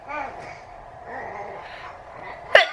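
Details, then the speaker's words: Adult having a sneezing attack in the morning: quiet room noise and faint voices, then one sharp, explosive sneeze near the end. "Can't stop seizing. Wow. Payton woke up again at 6:00 this morning. I think I'm having a sneezing attack, guys."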